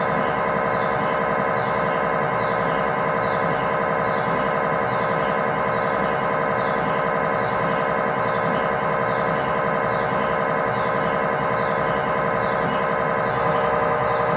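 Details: Loud, steady electronic buzzing and rhythmic droning throughout, from an MRI scanner during a test tibia/fibula (lower leg) scan with a GE high-definition lower-extremity coil (stated as 8- or 16-channel), in a controlled environment.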